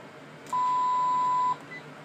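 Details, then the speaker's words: Single-channel Sigma Spectrum IV infusion pump as the infusion is started: a single steady one-second beep over quiet room noise. "now this pump will alarm quite often if there's a problem so it's asking about a downstream occlusion so with any other pump you hit the silence button and then troubleshoot your tubing"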